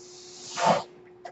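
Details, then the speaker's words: Mechanical ventilator breath cycle heard behind a podcaster who notes the noise is his own ventilator: a steady airy hiss over a faint constant hum swells into a brief rush of air, then a soft click. "my name is that noise you're hearing my ventilator and thank you for tuning in"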